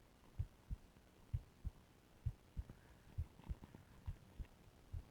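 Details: Own heart heard through a stethoscope with ECG during deliberate complete breath-holding (pillow and plastic bag); rate first rose (tachycardia), then slowed below 50 bpm; quiet paired thumps about 65/min; bradycardia.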